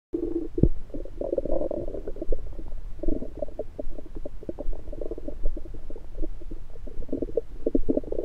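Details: Electronic stethoscope on the abdomen after breakfast: frequent bubbling, gurgling rumbles, which are ordinary active bowel sounds after a meal.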